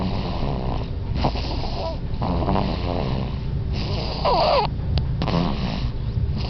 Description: super loud snore of a baby